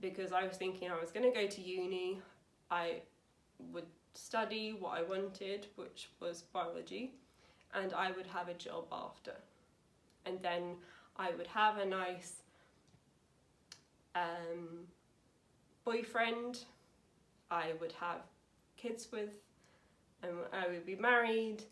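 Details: Young woman, 28, with aphasia after a severe stroke at school in 2009 at age 18, about nine years on, after speech therapy; aphasia.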